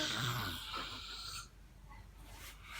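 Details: A 23-month-old toddler imitates a relative's snoring with one raspy, hissing snore-like sound, then falls quiet.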